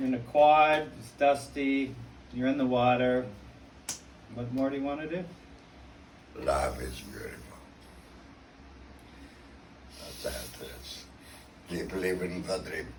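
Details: Adult man speaking; normal voice.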